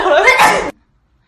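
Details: One short, loud burst with a breathy, laughing quality that stops abruptly: a single sneeze from a K-pop idol, amid music and applause.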